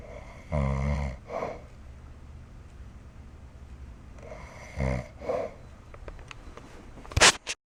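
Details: Adult man secretly filmed snoring while asleep in an apartment: two loud, rattling snores on in-breaths about four seconds apart, quiet breathing between, a brief click near the end.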